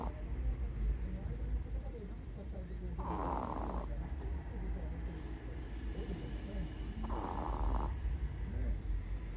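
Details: 16-year-old Chihuahua in deep daytime nap, with cataracts and poor hearing: two soft buzzing snores about four seconds apart over low room rumble; snoring.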